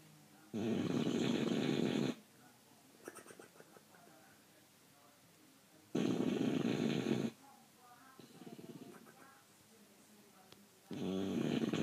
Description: Bulldog snoring